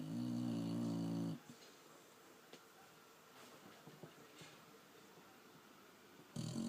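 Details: Dog snoring at bedtime: one loud, rumbling snore, then about five seconds of quiet before the next snore starts; snoring.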